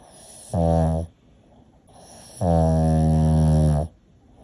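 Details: Pug snoring: two loud, buzzing, drawn-out snorts on inhaling, the second over a second long; snoring in a flat-faced dog.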